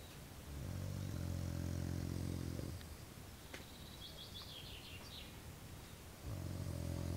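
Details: Loud, low rumbling snores on each in-breath, with quiet pauses between, from a person sleeping in a tent during military service in 2012; faint outdoor chirping in the background.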